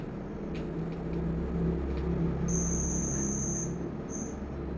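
High, steady whistling tones come and go over low rumbling noise, imitating what tinnitus can sound like.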